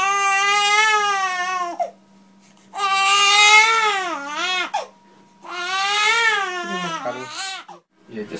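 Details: A newborn in the mother's arms, just after a chiropractic adjustment of the head, gives three long, high-pitched wailing cries separated by brief pauses for breath, over a faint steady hum.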